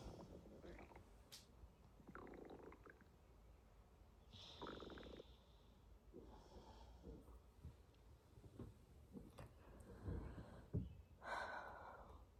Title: cute girl wakes up with stomach growling | INSANE noises